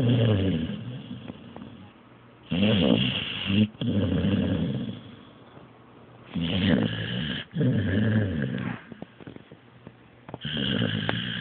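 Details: Blue nose pit bull asleep after a long day: loud, rumbling, fluttering breaths in and out, roughly 16 a minute; dog snoring.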